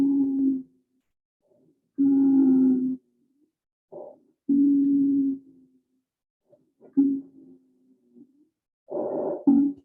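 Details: Polyphonic expiratory wheeze, with many different pitches, heard during a cardiac arrest management scenario.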